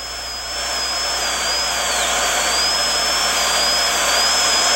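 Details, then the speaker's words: High-speed dental drill whine dipping under load as the burr angle increases to reduce the distobuccal cusp slope of a child's rotated mandibular left second primary molar (gross caries) during stainless steel crown preparation. "As the cusp tip is reduced, increase the angle of the burr to reduce the slope."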